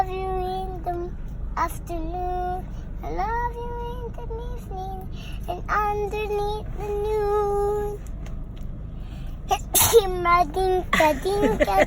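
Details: A child singing over music breaks into a single sudden sneeze near the end, then resumes singing; sneeze.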